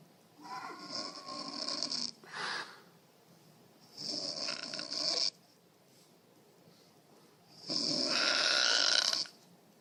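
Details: Three loud, harsh, hissing snores on the breath with quiet pauses between; plain snoring.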